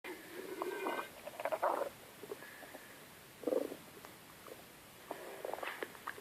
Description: My stomach growling very loud.